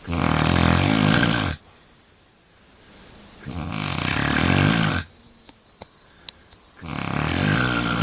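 Loud rattling snores about 1.5 seconds long, separated by quiet exhalations, roughly four to five seconds per breath cycle: heavy snoring.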